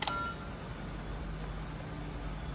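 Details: A quick electronic beep sequence as a Belmont rapid infuser is switched on with the back button after tubing setup, before priming in a training demonstration, followed by low room hum.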